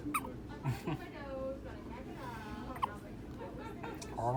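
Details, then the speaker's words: A few brief, high squeaky, mouse-like hiccups in a small baby, each a sharp little catch, with an adult talking softly over them. "Oh, you have squeaky hiccups. Oh my goodness, they're so squeaky."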